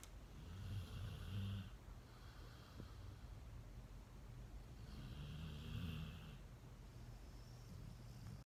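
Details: Animal at a no-kill shelter snoring quietly: soft, low, rumbling breaths repeating over a steady background hum.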